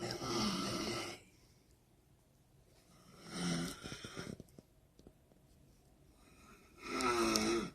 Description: Her roommate snored so loud that the nurses actually heard it down the hall and arranged a relocation.